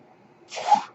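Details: Short rushing puff of air rising from quiet room noise and fading within half a second as the speaker's own mechanical ventilator delivers a breath during podcast recording.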